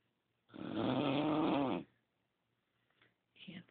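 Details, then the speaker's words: Snoring of a sleeping woman, recorded in the dark by someone lying right next to her who says it keeps them awake and thinks it could be heard from another room: one long, rough, rattling snore, then quiet breathing and a softer sound. "this is dinosaurs R snoring a this is why I can't sleep"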